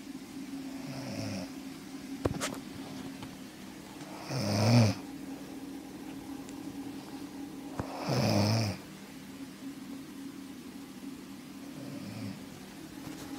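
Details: Woman caught snoring in her sleep by her boyfriend: two loud rattling snores about four seconds apart with softer breaths between, over room hum; snoring.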